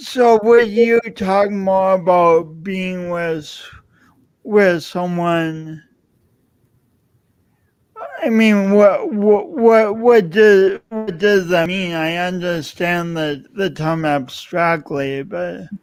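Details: Man describing his own self-described speech impediment, type not named; stuttering-like repetitions; speech impediment.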